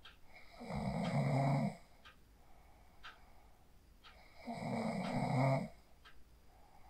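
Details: Person asleep after practising the 4-7-8 breathing technique, recorded on a phone: two loud, low, rattling snores on breathing in, about 4 seconds apart, with quiet breathing between; ordinary sleep snoring.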